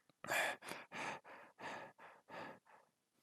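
About eight rapid, harsh breaths in quick succession, sounding like gasping.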